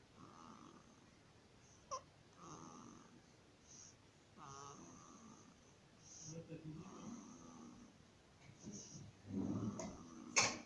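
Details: A 15-day-old baby with laryngomalacia makes noisy, crowing sounds on breathing in; inspiratory stridor.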